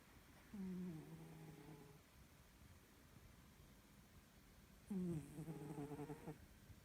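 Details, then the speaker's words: Pet cat snoring loudly, as it does every night, likened by the owner to a big man snoring; the snoring grows unbearable when she sleeps near the owner's face. "И вот так каждую ночь. Мышь. Она храпит, как дядька здоровенный. Словно я не с кошкой сплю, а с мужиком."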